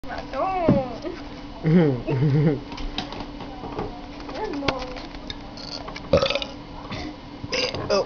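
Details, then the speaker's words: Person burping: several loud, drawn-out belches with a low, croaking voiced quality, separated by quieter room sounds. "my name is I'm going start my BPS that's the hotness anybody who doesn't name their burps is a loser"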